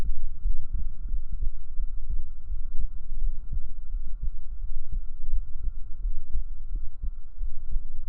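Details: Real heartbeat recorded up close on the chest with binaural microphones: deep, muffled, regular thumping under a steady hum; normal heartbeat.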